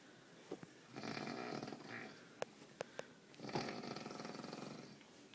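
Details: Someone snoring in Tallinn: two long, buzzing, rattly breaths with a few sharp clicks between them; snoring.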